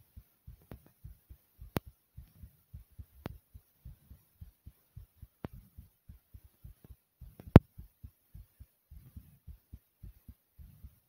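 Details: Heartbeat recorded after jumping in place for a few minutes to make the heart race: rapid, regular lub-dub at about 110 beats per minute; exercise-induced sinus tachycardia.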